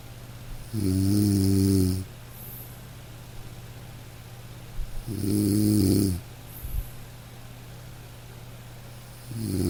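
Soft, low, humming snores roughly every four to five seconds over light rain. Gentle, harmless snoring in sleep.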